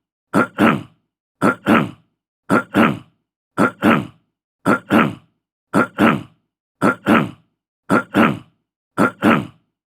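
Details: Fifty-year-old male clearing his throat: a short, harsh two-part huff repeated about once a second, ten times in all, as he clears mucus.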